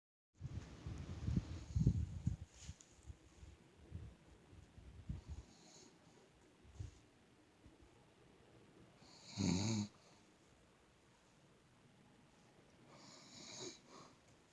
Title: My Nana snoring